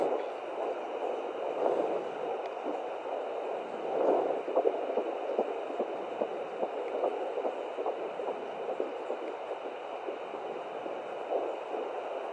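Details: At-home Doppler at 15 weeks 2 days of pregnancy: a whooshing sound with quick galloping pulses of the fetal heartbeat at roughly 145 a minute, which sound different from different probe angles.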